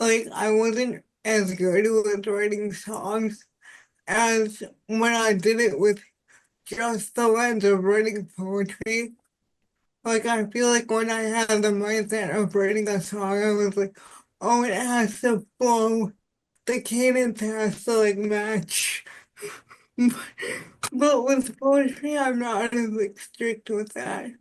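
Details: Adult woman with spastic quadriplegic cerebral palsy since birth; speech is harder to understand and is not recognized well by voice assistants; dysarthria (cerebral palsy).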